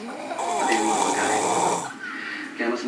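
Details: Continuous rough, rumbling snore with a fluttering buzz through most of the clip, a brief dip, then another snore starting; ordinary snoring.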